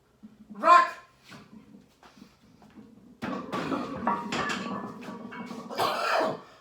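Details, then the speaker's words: Cough from a 64-year-old lifter during a beltless, wrapless squat session up to 365 lb: one sharp loud cough then a few fainter coughs, with gym background noise. "I don't know why I started squ uh coughing but that's the 55 lb Texas Squad bar"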